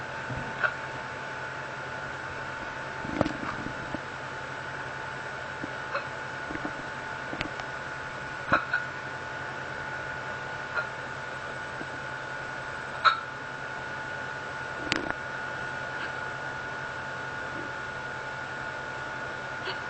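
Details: Person with terrible hiccups at night after eating many spicy things at dinner: about eight brief, sharp hiccup sounds a few seconds apart over steady fan hum, low-quality recording; repeated hiccups.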